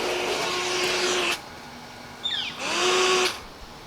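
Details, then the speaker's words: Steady whirring motor hum with airflow rising and falling from a Philips DreamStation 2 CPAP running at pressure 10, powered via DC output from an EasyLonger ES960 LiFePO4 battery backup. "so we'll plug this in here and then we'll plug this and over here let's see what happens it's coming to life"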